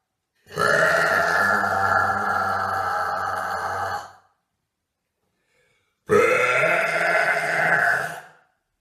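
Two long, loud, drawn-out belches of about four and two seconds, separated by silence. Burping.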